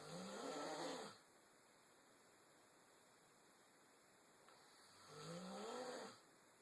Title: No...he doesn't snore!